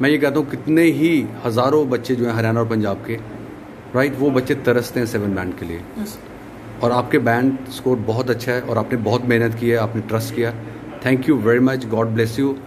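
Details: Adult man speaking; normal fluent speech.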